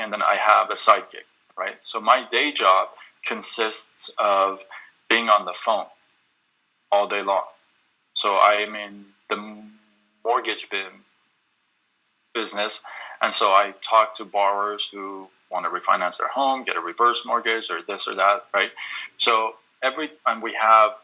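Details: Adult male who stutters; he reports stuttering more when reading a script aloud than when speaking freely. Stuttering.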